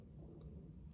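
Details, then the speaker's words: A brief, quiet low stomach rumble from an adult woman with cystic fibrosis; an ordinary bowel sound. "sorry you can hear my stomach Rumble"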